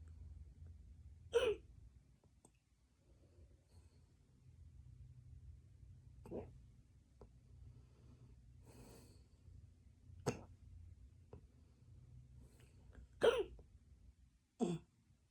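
Quiet room with about five brief, sharp catching sounds spaced several seconds apart; hiccups.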